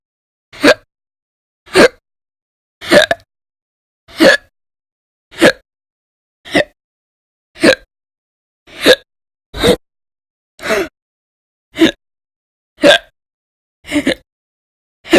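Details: Persistent hiccups recorded audio-only in January 2020, described as violent, loud, silent and minute; earlier bouts lasted roughly 2–13 hours a day in late December 2019. Sharp, abrupt hiccups about once a second, roughly 13 in 15 seconds, steady and unrelenting.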